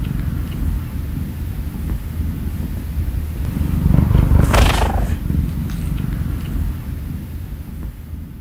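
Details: Sleepy male cat lying under the covers beside his owner before sleep gives a loud, steady, low rumbling purr, showing he is happy and content: cat purring.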